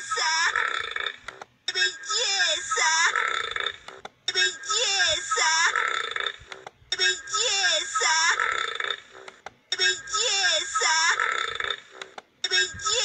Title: Burps compilation 23